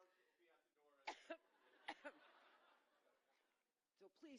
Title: - coughing fit during speech in Iowa